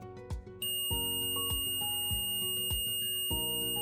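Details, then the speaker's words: Omnipod insulin pump hazard alarm from the Pod or PDM, signaling need for immediate attention; insulin delivery stops: a steady, continuous high-pitched tone over background music. "Les alarmes de danger sont matérialisées par une tonalité continue pour vous indiquer lorsque le pod ou le PDM nécessite une attention immédiate."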